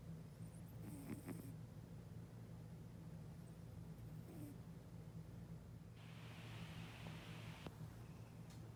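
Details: A sleeping cat snoring: a steady low, rumbling snore with a soft breathy hiss partway through, ordinary snoring during sleep.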